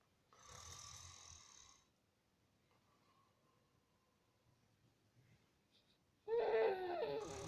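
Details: Sleeping adult father snoring, apparently open-mouthed: two rough, rattling breath noises separated by quiet pauses; son reacts; snoring.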